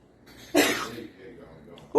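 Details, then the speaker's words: A young girl sneezes out her loose tooth: a single sharp, explosive sneeze with a noisy rush of air, followed by quiet room sound. "Your tooth? Sneezed out my tooth. Sneeze out your tooth?"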